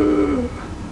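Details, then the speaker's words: Adult imitating the breathing noise of a child with bacterial tracheitis (like epiglottitis but without drooling), bent over with shoulders forward: single harsh, high-pitched noisy breath mimicking stridor. "there's something also called bacterial tracheitis which is similar to epiglottitis however you don't have the drooling with it but that noise bent over shoulders forward"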